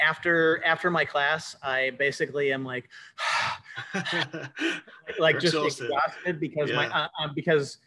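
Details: Cluttering in an adult male speaker who says he has cluttering.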